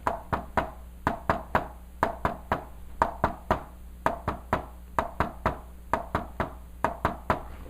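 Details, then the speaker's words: Hand-tapped stethoscope imitation of an S3 gallop, a triple "one-two-three" rhythm with an extra third heart sound after S2, attributed to a dilated, poorly contracting ventricle filled with blood. "that is S3 so what really causes S3 h usually it's due to when you have a heart that's dilated or non-contracted ventricle that's just big and it's fulled with a lot of blood"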